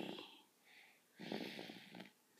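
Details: Sleepy small pet snoring: a short snorting snore with a whistling breath.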